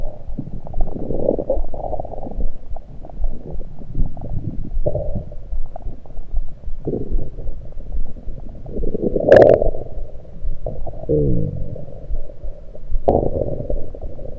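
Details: Active bowel gurgles recorded over the stomach with a USB electronic stethoscope: low rumbling and bubbling with a few brief squeaky bursts, from liquids and air rather than digestion; the cause is unknown.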